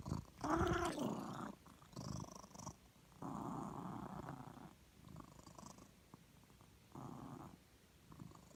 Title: Snoring kitty